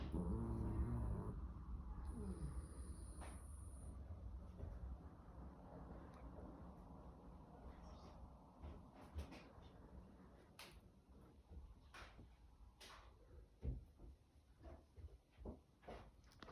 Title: French Bulldog snoring